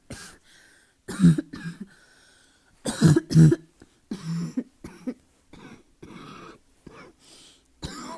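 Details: About a dozen harsh, barking coughs in irregular bursts and pairs, labelled an asthma cough: barking cough.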